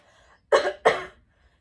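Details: Two short, sharp, deliberate coughs from an adult demonstrating a self-check for urinary leakage on coughing, with a hand under the navel to watch whether the belly pushes out or pulls in: voluntary cough.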